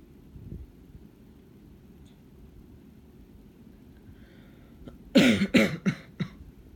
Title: me coughing in the dark for 4 minutes and 20 seconds